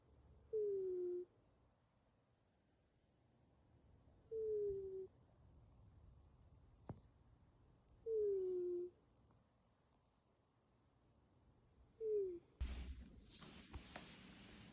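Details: Cat snoring while asleep: slow, wheezy, tonal snores at about 16 a minute, with quiet pauses between breaths.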